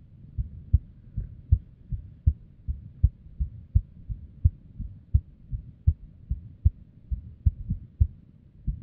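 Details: Female's unstable resting heartbeat: dull low thumps at roughly 150 a minute, uneven spacing, varying strength, extra beats; irregular heartbeat.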